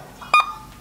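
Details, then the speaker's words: A single clear electronic beep from a cardiac monitor on a defibrillator training simulator in a nursing skills lab, marking normal sinus rhythm at a heart rate of 80. "ini adalah gambaran sinus rhythm. Ini heart rate-nya 80, ini dalam kondisi normal."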